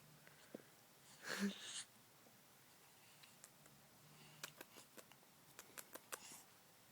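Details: Infant girl, awake very early in the morning, gives a single brief, sharp sneeze in a quiet room, followed by soft clicks and small movement sounds.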